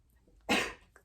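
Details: A single short, moderately loud cough in a quiet room: a lingering cough in a stuffy, immunosuppressed adult woman, vaccinated with four doses, recovering from COVID-19 after monoclonal antibody treatment.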